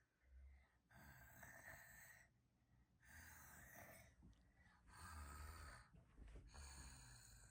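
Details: Child playfully imitating snoring for a snore challenge: loud rasping noisy breaths repeating about every two seconds; simulated snoring.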